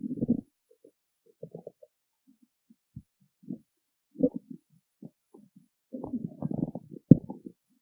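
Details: Stomach growling (borborygmi) after she skipped breakfast: low, irregular gurgling and rumbling bursts separated by silence, from an empty stomach.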